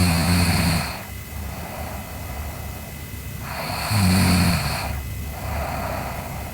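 Loud rattling snores on each breath in, about two cycles in six seconds, with steady background hum; snoring during sleep.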